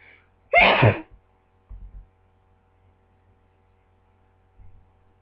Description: I don't know why I keep sneezing is it a cold or my allergies?